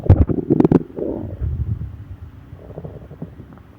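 Low gurgling rumbles with a burst of bubbling pops, fading into softer gurgles; ordinary stomach growling from gas and fluid moving through the gut.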